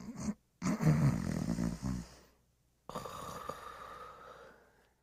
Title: Sleeping & Snoring